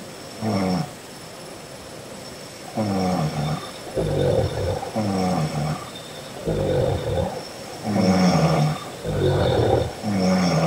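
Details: Adult woman snoring during an afternoon nap: loud rattling snores on each breath, about eight to ten a minute, in a quiet room; heavy snoring.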